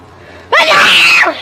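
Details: A single loud, drawn-out, explosive sneeze from a male streamer, lasting under a second, with the voice electronically altered by a voice changer: sneeze.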